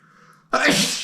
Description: At first, the feathers were making me sneeze. Then, the dust began to work its magic in my nostrils...